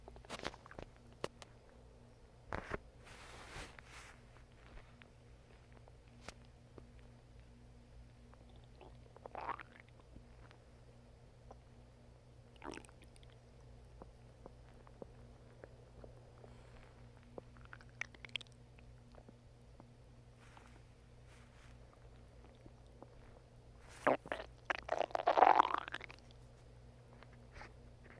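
Scattered soft gurgles and squelches from the belly, with a louder rumbling gurgle near the end: ordinary stomach growling.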